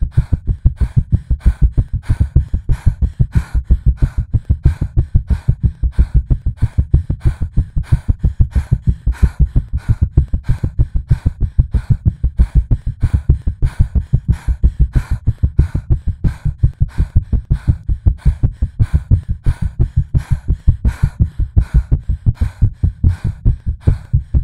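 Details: Artificially created, edited heartbeat simulating anxious palpitations: fast, steady low thumps around 180 a minute.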